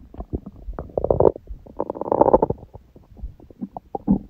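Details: Adult on a raw-food diet, recorded after eating (first meal at 16:00 after fasting on water since 19:00 the previous day, then overeating) and after ab exercises: frequent stomach gurgles and bubbling rumbles; ordinary active bowel sounds.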